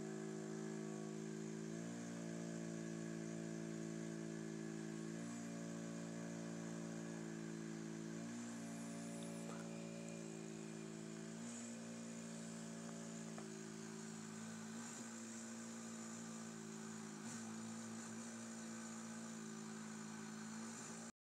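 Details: Steady mechanical hum with tone shifts about every three seconds from a CPAP machine and mask worn by a sleeping woman overnight; noisy CPAP mask.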